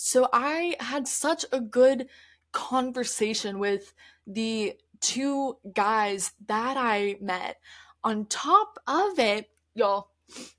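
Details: Adult woman who stutters, speaking conversationally; stuttering.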